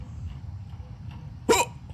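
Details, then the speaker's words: Person with hiccups they blame on a jump scare: a single sharp, brief voiced hiccup catch over low room noise. "I still got the hiccups"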